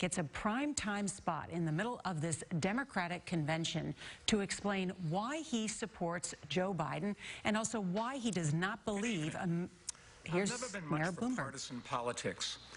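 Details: Adult woman; normal speech.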